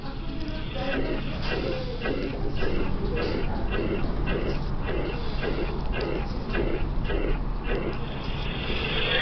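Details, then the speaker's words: Systolic crescendo-decrescendo murmur with a harsh quality, an aortic stenosis murmur. "So first, what's the timing? Systolic. Now what's the shape? Crescendo decrescendo."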